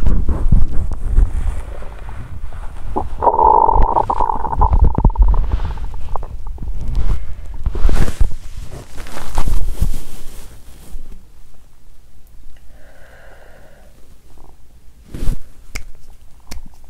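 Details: Stomach sounds after exercising on an empty stomach, which made her feel unwell: low gurgling rumbles, squeaky tonal gurgles and a few sharp clicks, irregular and bubbling; bowel sounds.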